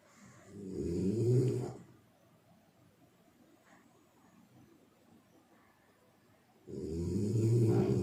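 Two loud, low rumbling snores separated by a quiet pause of about five seconds; ordinary snoring.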